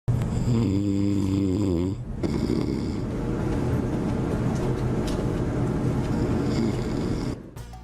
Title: #15MinutosTv | Crean dispositivo que eliminará el ruido de los ronquidos